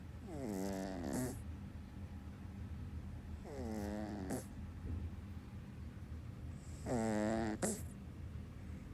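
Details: Dog snoring in sleep: three buzzy, vibrating snores with a whistling edge, about every three seconds, one ending in a snort.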